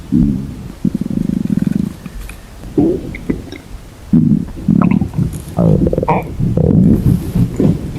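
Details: Low gurgling rumbles with long drawn-out buzzing growls and bubbling bursts from a girl's stomach; stomach growling (borborygmi).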